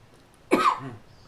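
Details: A single short, harsh cough burst, followed by a brief rumbling exhale.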